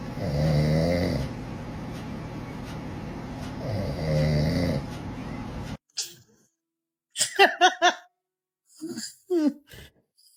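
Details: Daddy snoring while a baby reacts with dislike: snoring.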